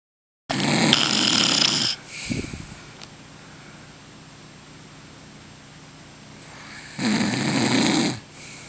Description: I love my husband dearly but he snores. I got even with him by filming him lol.